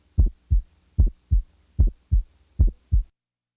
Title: 06 Widely Split First Sound Heart Sounds Collection